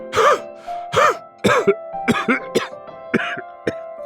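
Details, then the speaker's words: Simulated cough in an advertisement: about nine short, acted cough bursts in four seconds over steady background music, from a person said to have a cold or flu. "honey you sound horrible i feel terrible and i can't stop coughing and sneezing"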